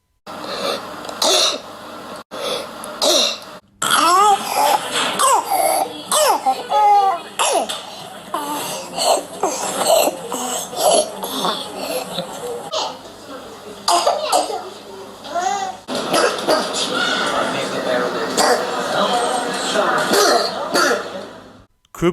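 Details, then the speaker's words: Repeated harsh, seal-like barking coughs from a child with squeaky noisy breaths between bursts: croup, which can be caused by parainfluenza virus or RSV and can cause inspiratory stridor. "you guys never heard of C cough it's it's a seal like barking sound when kids cough"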